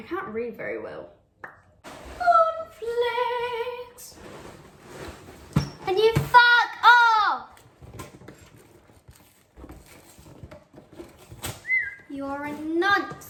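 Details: Tourette syndrome with vocal tics occurring throughout, including sudden swearing, random phrases, and violent or aggressive tics.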